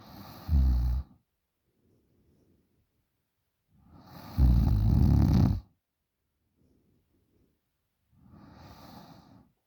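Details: A 20-year-old girl snoring very loudly during sleep: loud rattling snores on each in-breath, about every four seconds, with quiet breathing out between; heavy snoring.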